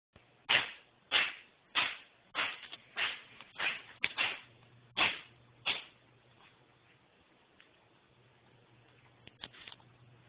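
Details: Purebred Devon Rex cat with a chronic nasal cavity problem: paroxysmal sneezing, about nine sneezes in quick succession.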